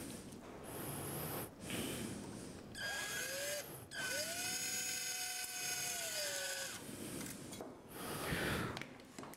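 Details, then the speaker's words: Whining motor bursts from a surgical power driver in forward mode inserting fixation pins into a model bone to secure the cutting block during simulated total knee replacement teaching. "ده مديهولنا باور دريفن الحمد لله، حطه على الفورورد. انا كده ثبت تمام الكاتنج بلوك بتاعي"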